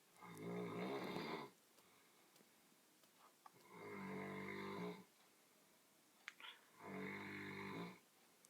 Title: Man snoring BBC radio 2